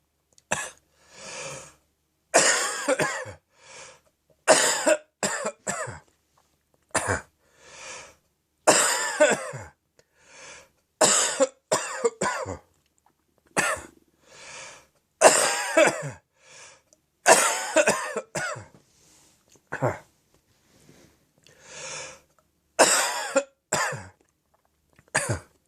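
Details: A hefty morning catarrh coughing fit from throat phlegm and acid reflux: repeated deep, throaty wet coughs with throat clearing; productive cough.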